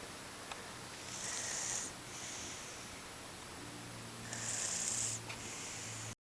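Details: 5-year-old girl asleep after a long school day: two hissing, whistling breaths with a low rumble beneath, about 3 seconds apart, over faint room noise; soft snoring.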